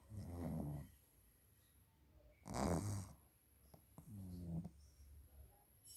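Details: Rough, rattling snores on two breaths, separated by quiet pauses and faint snuffling, from pugs sleeping beside their owner; snoring.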